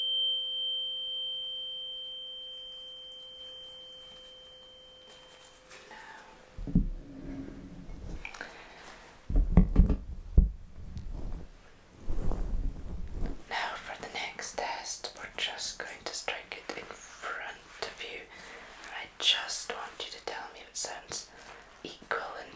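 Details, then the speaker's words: ASMR simulated cranial nerve exam, hearing test with 512 Hz and 128 Hz tuning forks (Rinne test): a struck fork rings with a clear, steady pure tone that slowly fades, then handling thumps and rustling. "Now, just tell me when you can no longer hear it. Okay. I'm going to do the same again with the 512 hertz one."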